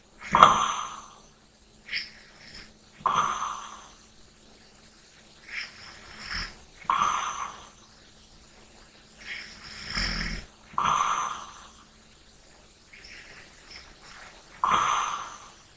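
Repeated nasal, snorting snores every few seconds alternating with lighter breaths, over a faint steady room hum: snoring during sleep.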